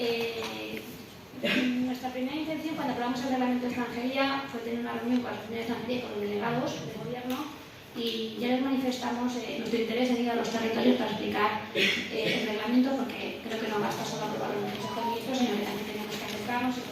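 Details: Adult woman speaking Spanish; Normal voice.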